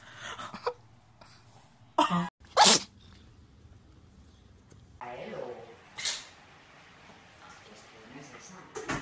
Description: Cute and funny sneezing cats. Sneezing cats sneeze like people.